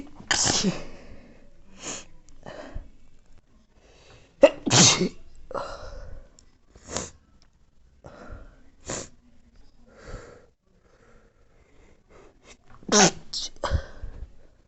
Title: Messy chirstmas sneezes 🤧